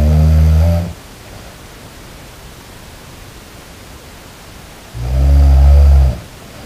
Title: snoring 8K